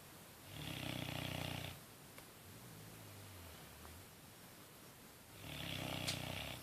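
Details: Snoring recorded 08/01/2013: two loud, rattling snores on the in-breath, with a softer noise in the quiet gap between them; ordinary snoring.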